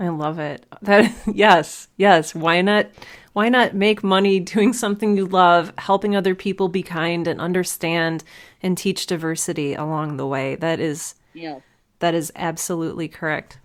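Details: Adult speakers in conversation; speech.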